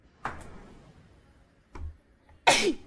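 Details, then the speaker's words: Girl with allergy: a soft, sharp exhalation, then a loud, explosive burst of air: a sneeze. "oh God oh God I just sneeze okay"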